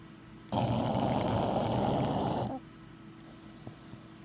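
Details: Bulldog asleep after a big day: one long, rough, fluttering snore of about two seconds over a quiet room: snoring.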